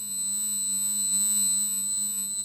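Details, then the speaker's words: Steady, pure high-pitched 8000 Hz tone from an online hearing test for age-related hearing loss; a tone most people without any hearing loss should be able to hear. "that yeah that is a tone that most people without any sort of hearing loss should be able to hear"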